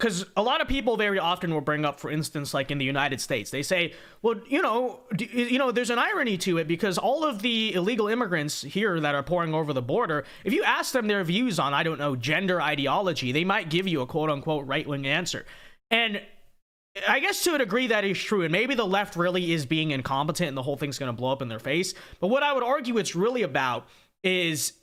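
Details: Adult man speaking; ordinary speech.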